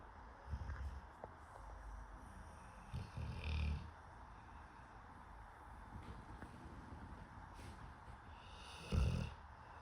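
Low, grunting snorts and snores come irregularly from a sleeping pig, with quiet noisy breathing between.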